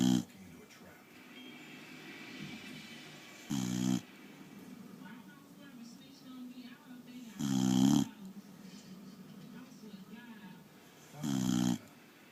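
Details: 8-year-old boxer dog deeply asleep on owner's chest: loud rattling snores every few seconds with quiet breathing between; snoring.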